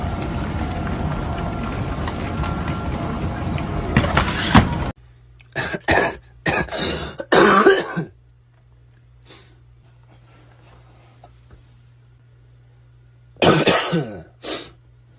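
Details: An adult gives a few short, harsh coughs in separate bursts after a stretch of loud music: cough.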